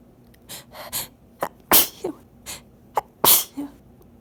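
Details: Sneezing fit, sneezes partly muffled into a hankie: a rapid series of about eight sharp, explosive sneezes with quick inhalations between.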